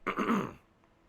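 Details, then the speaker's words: Adult man with a cold, still congested and "gunked up": a single short, rough throat clear, as with mucus. "So I apologize, everybody, that I sound bad. That I'm going to have to be doing throat clearing and everything, disgusting."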